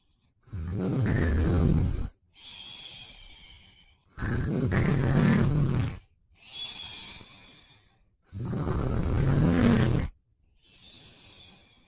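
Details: Boyfriend sleeping: loud, rough, low-pitched snores on each in-breath, quieter breaths out, about five breaths a minute; ordinary snoring.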